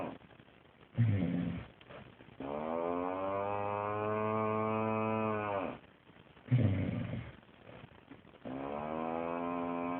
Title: Husbands snoring sounds like a cow